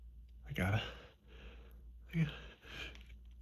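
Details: Two forceful sneezes with breathy exhales after each over steady room hum, from grass pollen allergic rhinitis in spring while off medication for several days; part of an endless sneezing fit.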